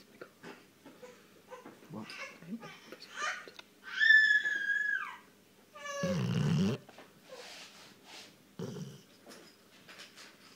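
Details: A sleeping Rottweiler, recorded on a phone, gives a few loud, low rattling snorts with a brief high squeaky whine between them in a quiet room; its 'snore flap' is visible; snoring.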